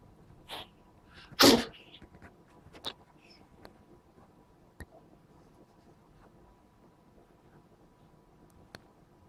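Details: A cat that won't stop sneezing gives a couple of small, sharp sneezes followed by faint snuffles in a quiet room; sneezing.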